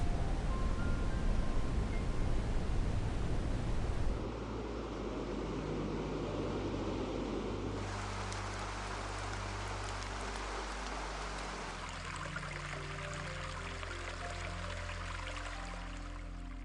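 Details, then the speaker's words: Steady rushing, wave-like noise changing character in several segments, a hearing aid app background sound turned up from zero until it overpowers tinnitus; tinnitus masking sound. "I would start at zero and I would slowly turn it up until the tontis went away or until this this sound overpowered my ttis and I could no longer hear it and here's an example of what you will actually be hearing when you use this"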